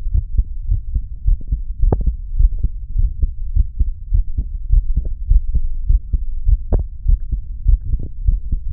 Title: Listening to my heart beat